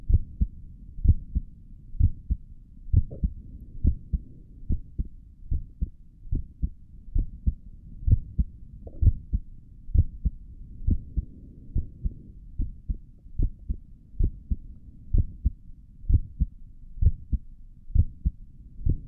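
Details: ASMR recording of the creator's own heartbeat through a stethoscope on the chest; steady, regular soft lub-dub at about 65 beats a minute, no added sounds; stomach gurgles occur during the recording; normal heart sounds.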